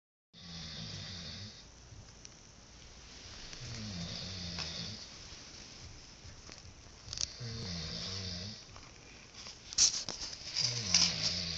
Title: I snore!